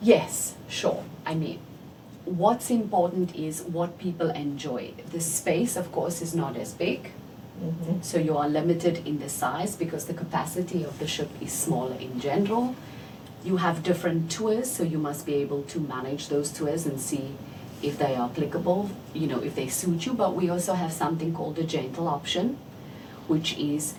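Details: Adult woman; typical speech.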